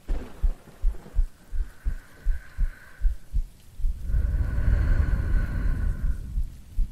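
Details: Woman's normal heartbeat in a sleep-aid ASMR recording with no talking: soft regular low thumps near 80 a minute, then steady rain and rumbling thunder cover them.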